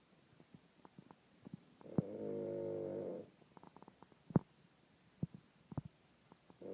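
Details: Father snoring while asleep in a hotel room: one loud, drawn-out, rattling snore lasting about a second, set among quiet breathing and small clicks in a still room.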